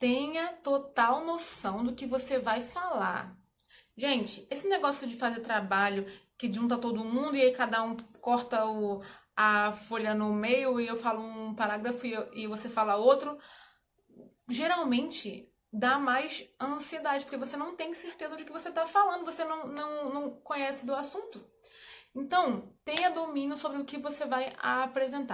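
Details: Adult woman who stutters, speaking Portuguese, with difficulty on particular words; part-word repetition heard; stuttering.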